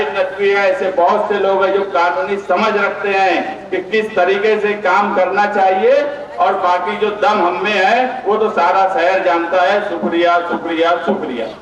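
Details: Adult man speaking; normal voice.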